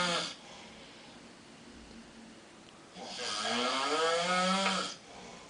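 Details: Drunk man snoring in the bathroom: loud, harsh rattling snore on the in-breath with a quieter pause between breaths, in an echoing room.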